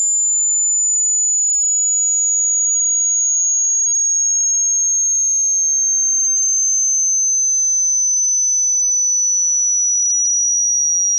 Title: Hearing Test HD (High-Low)